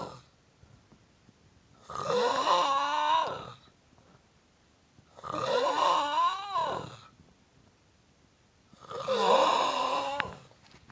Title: Funniest snore EVER!!!!